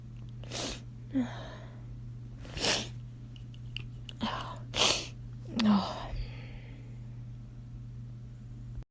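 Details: A series of short, muffled stifled sneezes held back with a closed mouth, with quick catch-breaths between them.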